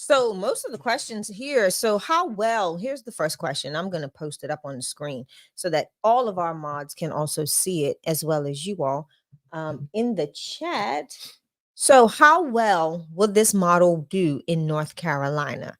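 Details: Adult woman speaking; Normal voice.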